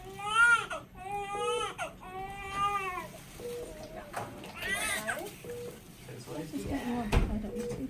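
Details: Baby girl just delivered after labour induced with a drip, admitted for reduced fetal movement; strong, rhythmic crying with clear voiced wails, brief breath pauses, soft room voices: vigorous normal newborn cry.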